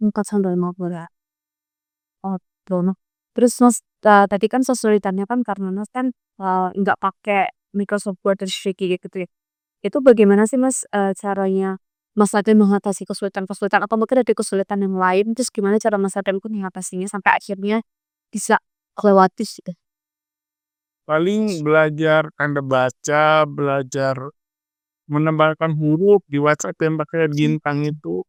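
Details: Adult male with cerebral palsy, with a fluent interviewer; dysarthria (cerebral palsy).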